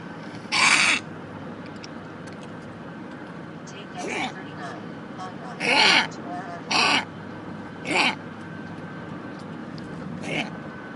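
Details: Pug with contagious kennel cough gives about six harsh, honking coughs at irregular intervals; kennel cough (honking cough).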